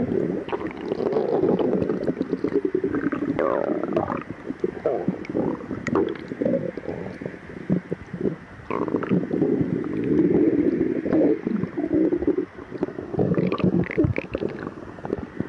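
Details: Person with severe lactose intolerance, fasted 12 hours, before and after drinking milk: continuous low gurgling and rumbling with bubbling bursts; stomach growling, borborygmi.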